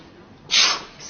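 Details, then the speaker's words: Adult man sneezing right after a meal, which he says happens to all males in his family and is not a cold: one sharp, hissing burst of air fading over half a second, a single sneeze. "i actually this is a little known fact after i eat i sneeze off and all the males in my family do it"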